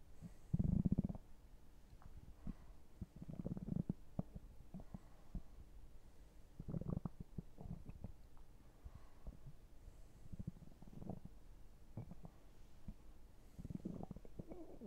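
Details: Low rumbling gurgles in bursts with soft bubbling between them: ordinary stomach and bowel sounds (borborygmi).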